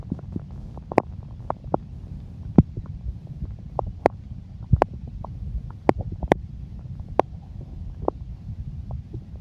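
Irregular gurgles, squeaks and sharp pops over a low rumble; ordinary bowel sounds of a growling stomach.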